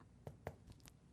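Two soft, quick finger taps over the upper chest give brief low, hollow notes, a normal resonant percussion note over the lung apex.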